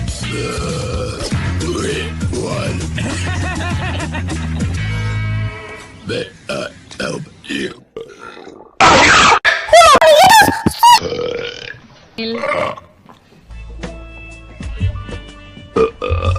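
Loud, drawn-out belches among music and speech from screen excerpts; ordinary burping.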